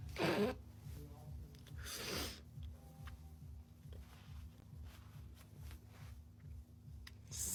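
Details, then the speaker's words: Two loud, sharp sneezes about two seconds apart, recorded in a basement over low room rumble and a steady hum; allergies are tagged as the possible cause. "oh no I have to sneeze he's going to BU excuse"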